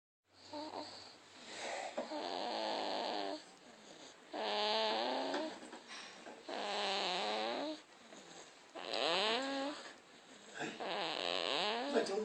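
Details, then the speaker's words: Sleeping baby boy snoring, making tonal humming sounds with each breath, about 27 a minute, for around 45 minutes. "He's been humming the entire time he's been sleeping for like 45 minutes."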